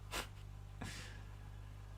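Two short, noisy snorting breaths from a sleeping dog over steady electrical hum; ordinary dog snoring.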